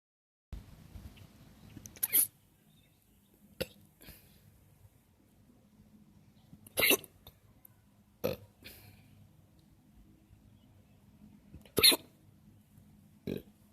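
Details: Loud repeated hiccups outdoors at a park: brief, sharp bursts every few seconds, about a dozen a minute, over a quiet outdoor hum.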